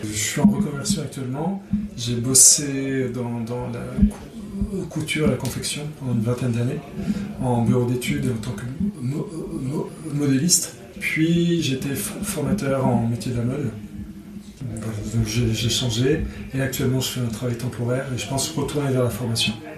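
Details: 46-year-old adult who has stuttered since childhood. Stuttering.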